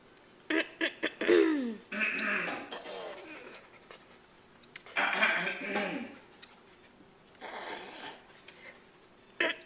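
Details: Harsh, rasping throat-clearing and hacking bursts separated by quiet pauses from a dog; throat clearing.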